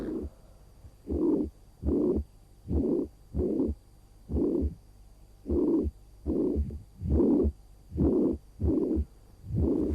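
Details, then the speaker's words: Auscultation at the apex: slightly irregular beats, weakened first heart sound, whooshing murmur filling all of systole, radiating laterally and to the axilla; pansystolic murmur at the apex. "bunyi jantungnya irreguler Irama jantungnya irreguler bunyi jantung satunya melemah terdengar bising pada fase sistolik memenuhi semua fase sistolik sehingga kita sebut sebagai panistolic"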